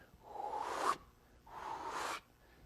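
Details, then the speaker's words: Vocal imitation of a rumbling diastolic murmur with presystolic accentuation: two voiced breathy whooshes, the first building to a louder end, contrasted with a decrescendo diastolic murmur, from a valvular heart disease lecture. "there's something called pre-systolic accentuation and that's what separates that from the diet from the decrescendo diastolic murmur so it really sounds like this"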